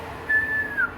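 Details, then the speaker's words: Vocal imitation of a wheeze in a respiratory semiology class: a steady high, musical, whistle-like tone sliding down at the end. It is described as air passing a narrowed airway, as in asthma, and louder on expiration. "o sibilo é o a querendo passar numa via aérea está estreitado é um som musical e a educação por exemplo paciente de asma o sibilo é mais audível na expiração"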